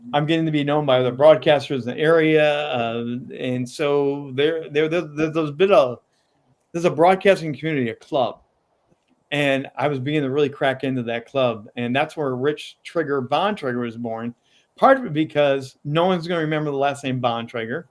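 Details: Adult man with a lifelong stutter, still present at times; word repetitions such as "I I I"; stuttering.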